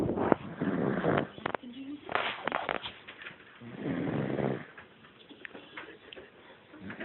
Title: dono snoring